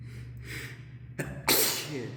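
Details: An indrawn breath, then a sharp catch and one loud, explosive sneeze echoing in a hard, reverberant stairwell, recorded during a sneezing fit while climbing stairs; sneezing.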